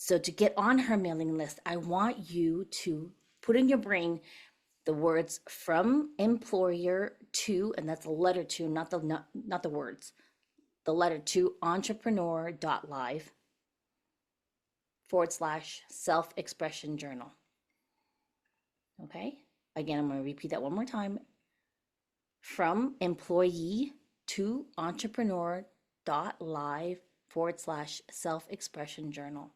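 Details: Adult speaker; plain speech.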